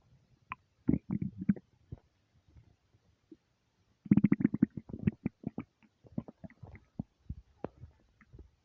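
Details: Stomach rumbling (borborygmi) from an empty stomach: bursts of low gurgling and bubbling rumbles with quiet gaps between them, a normal sound.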